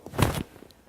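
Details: Chiropractic lower-back adjustment: contact on L2, distracting it from L1 with the spine in neutral, giving a single dull thump with a brief pop; joint cavitation.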